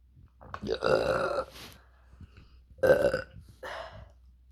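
Three loud, voiced, rumbling burps in a few seconds with short pauses between; ordinary belching.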